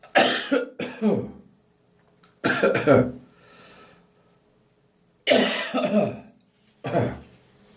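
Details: Dry morning cough lingering after bronchitis, phlegm nearly all gone: four bouts of harsh, dry, non-productive coughing, each two or three bursts, with quiet pauses between.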